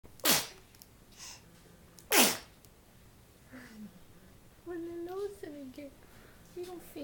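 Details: Two sharp explosive sneezes in quick succession, followed by brief voiced sounds and talk; sneezing.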